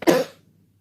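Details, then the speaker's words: A single short, loose-sounding cough from an unwell adult diagnosed by a doctor with "wet lungs", a wet cough with mucus in the airways. "so I'm not feeling very well at the moment went to the doctor yesterday and being prescribed with lung it's disgusting but it does make me sound like a frog"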